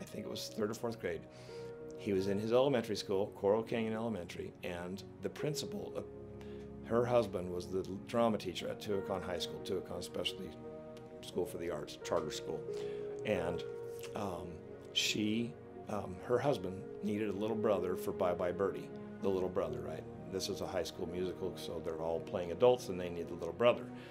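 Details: Adult man speaking; no disorder.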